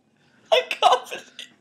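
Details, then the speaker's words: Man with ongoing hiccups that he says won't stop even after drinking water makes abrupt voiced 'hic' catches with short gasps, two close together: hiccups. "right this is not a joke apparently it's not a joke I'm hicking up right now"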